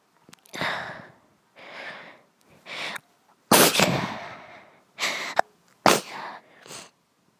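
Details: Sneezing attack at night: a run of about seven forceful, explosive sneezes in quick succession; a sneezing fit.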